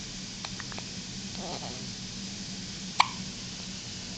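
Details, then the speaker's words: Infant son's hiccups: a single sharp, short hiccup with a few faint clicks before it, in a quiet room. "everybody was looking at you trying to get rid of the hiccups"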